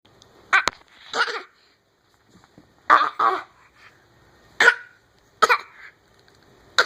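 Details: A 12.5-month-old infant gives several short, dry, deliberate fake coughs separated by pauses: imitated, voluntary coughing rather than illness.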